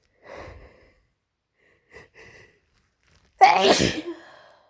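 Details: Person with a cold and sore throat from frequent sneezing: a few quiet in-breaths, then one loud, explosive sneeze.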